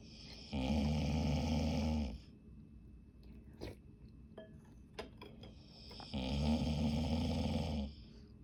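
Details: Two loud, rattling snores about five seconds apart from a dog, with quiet breathing and small noises between; snoring.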